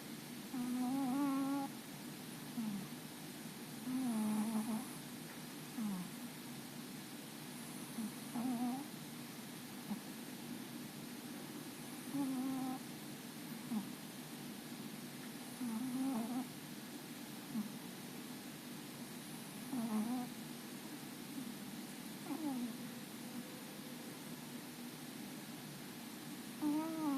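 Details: A sleeping cat snores and twitches, giving soft, squeaky, whistling snores in a steady rhythm, about 15 breaths a minute.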